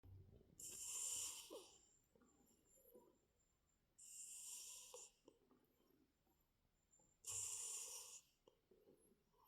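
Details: Big cat snoring while asleep: three soft, hissing snores at regular intervals, with quiet breathing between them; snoring.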